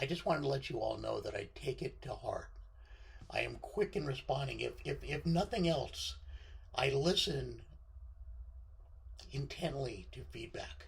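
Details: Male speaker with left-sided vocal cord paralysis following surgery, which limits his voice control; unilateral vocal fold paralysis.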